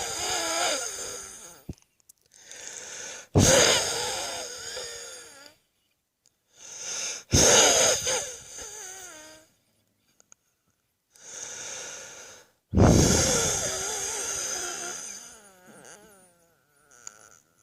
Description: This is a close up recording of my chest wheeze, which eventually dissolves into an uncontrollable wet and wheezy coughing fit.